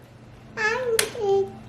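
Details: Limited speech with word approximation in an autistic, largely nonverbal toddler boy with epilepsy and communication delay who wears ankle-foot orthoses and uses a few words and signs.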